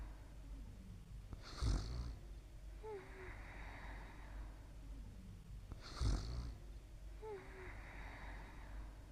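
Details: Suzy sleeping on a quiet night and snoring softly for about 35 seconds.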